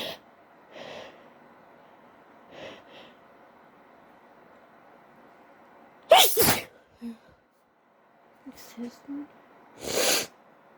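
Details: Person who says they are high: breathy build-up inhalations, then two loud explosive sneezes with brief vocal sounds between them; sneezing.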